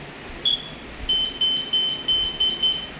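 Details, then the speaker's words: Demo defibrillator switched to pacer mode after defibrillation, for heart rates below 40: a single high electronic tone, then a steady run of short high beeps about three a second. "then after the defibrillation if you need facing you switch it to Pacer spacing for those below 40 99"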